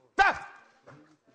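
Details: Involuntary vocal tic in a male with Tourette syndrome, whose tics are often brought on by everyday situations and which he tries to hold in; a short vocal outburst just before he apologises.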